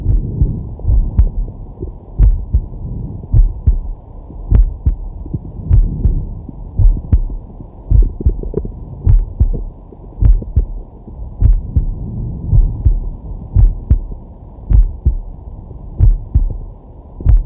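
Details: Man's heart sounds from a digital stethoscope on his chest while resting: steady low lub-dub heartbeat, about 52 a minute, regular rhythm, with soft breathing underneath; normal heart sounds.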